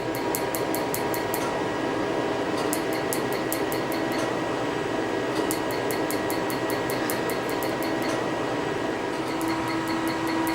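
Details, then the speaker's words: Pulsed laser firing during tattoo removal, helium-neon aiming beam, producing white skin frosting: bursts of rapid sharp snapping clicks, several runs of about six pulses, over steady fan hum. "That white effect that you're seeing is called frosting, and it only lasts for just a few seconds. It's basically a shock wave that's happening"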